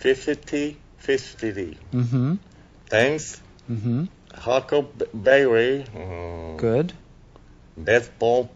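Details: Stroke patient reading NIH Stroke Scale word card during item 10 dysarthria testing, score not stated; dysarthria.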